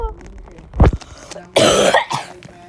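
A child gives a short throaty cough and then a harsh, forceful cough burst, with faint room noise behind.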